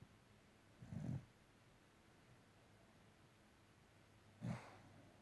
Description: The dug snoozing and snoring